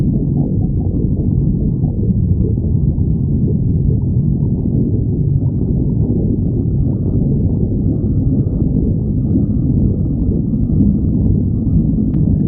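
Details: Stomach growling: continuous loud, low rumbling and gurgling from the belly throughout; normal bowel sounds (borborygmi).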